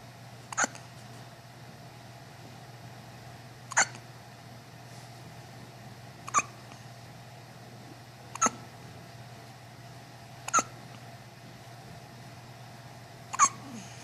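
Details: Infant hiccups, which happen at least twice a day: six short, sharp hiccups at roughly even spacing, about 25 a minute, over a quiet background; a common, harmless finding.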